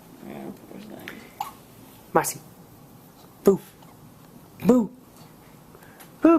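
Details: Newborn baby one day after birth, hiccuping repeatedly as the baby reportedly did before birth: about five short, abrupt hiccups at irregular intervals, with faint room noise and quiet adult voices; hiccups.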